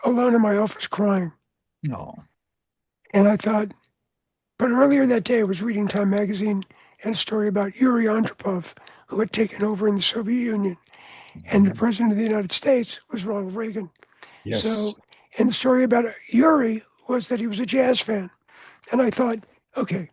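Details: Adult man whose voice was altered by throat cancer treated with surgery, radiation and two years of experimental chemotherapy, with no recurrence since; altered voice after throat cancer treatment.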